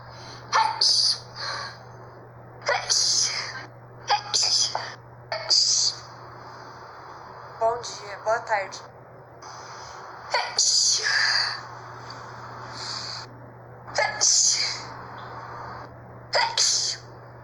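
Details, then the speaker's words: Person in Brazil remarking they had not sneezed in a long time: about ten sharp, hissing sneezes in a row, some with a quick breath in before them, over a steady low hum. "Nossa, fazia tempo que eu não espirrava. Nossa, fazia muito tempo que eu não espirrava."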